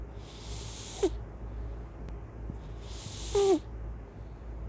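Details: Snorting: two short, hissy nasal snorts about two seconds apart, each ending in a brief squeaky tone, over a low room hum.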